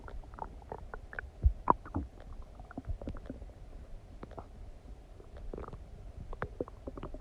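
Frequent gurgling, bubbling and squeaky rumbles from the belly; ordinary active bowel sounds during digestion after eating.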